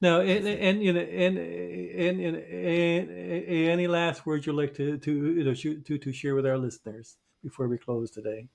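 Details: Stuttering in a podcast co-host who identifies himself as a person who stutters.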